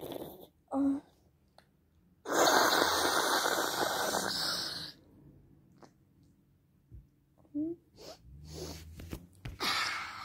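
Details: Sneezing triggered by perfume: a loud, long explosive sneeze preceded by a sharp intake of breath, then short sniffs and snorts.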